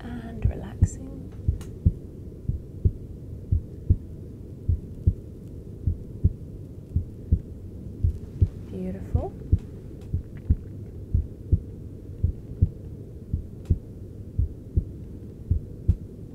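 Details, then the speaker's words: Adult male's heart sounds via a handheld device during anti-wrinkle injections into his frown muscles; adrenaline and cortisol from stress make the heart contract harder and faster: sinus tachycardia from stress. "your stress levels are going up and it allows for the heart to contract harder contract faster enabling you to run away or to deal with the situation and fight back"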